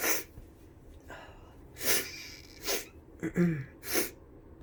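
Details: Person with the flu: a run of about five forceful, hissing bursts of air through the nose and mouth; repeated sneezing.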